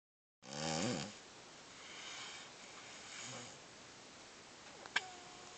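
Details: Person asleep and snoring: a single loud rattling snore on an in-breath, then two softer breaths in a quiet room.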